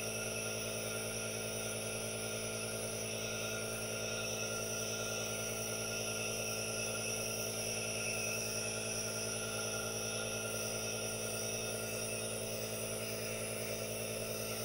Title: ASMR white noise • aerosol nebulizer + hand movements • NO TALKING